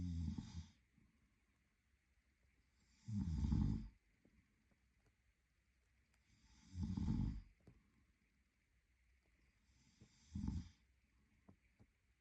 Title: Snoring Boyfriend | My favorite Whitenoise